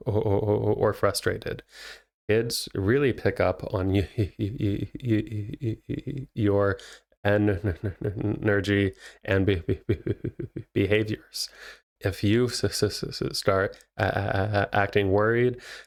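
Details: Adult male speech therapist who has stuttered himself, speaking naturally with real (not acted) stuttering; finding: stuttering.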